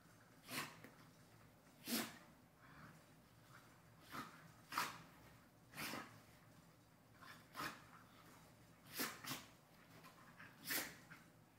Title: playing makes me sneeze